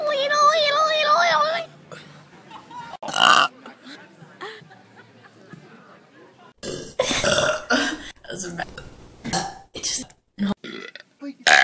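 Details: Loud, drawn-out burps from a girl mixed with talk, laughter and music from several people; ordinary burping.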